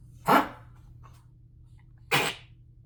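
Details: Female dog coughing: two sharp, harsh bursts about two seconds apart.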